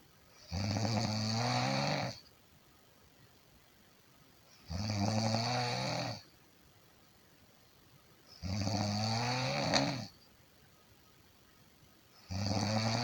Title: 50 minutes of Snoring sound - Snoring like nobody else